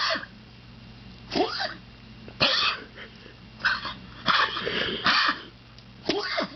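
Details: Repeated harsh hacking coughs with strained noisy breaths between, from a dog struggling to breathe in the evenings, with a lump believed to be cancer; dog's hacking cough.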